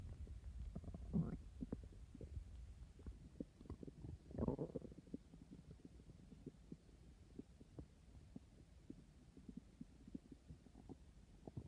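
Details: Two low gurgling rumbles with faint crackly bubbling in between; stomach growling of hunger, ordinary bowel sounds.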